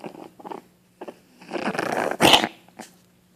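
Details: A Boston terrier puppy gives short rough coughs and a gurgling hack, a wet, congested-sounding cough; the owner thinks it sounds like mucus or phlegm in her throat and worries she is sick.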